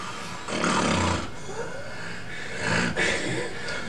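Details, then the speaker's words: Loud, rough snoring with panting breathing, separated by quieter gaps where breathing stops, while abdominal movements strain against the blockage: a sleeping man with obstructive sleep apnea, recorded during assessment at a sleep centre. "aveit des ronflements une respiration qui est halente et ce monsieur s'arrête de respirer pendant son sommeil"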